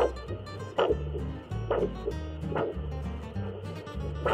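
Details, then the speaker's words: Brachial artery pulse on the arm heard with a fetal Doppler and ultrasound gel during an ankle-brachial index demonstration: regular whooshing beats about 67 per minute over a steady low hum; normal. "going to turn on the fetal doppler and what you'll notice is it has a sound whenever you have a heartbeat or it has a touch"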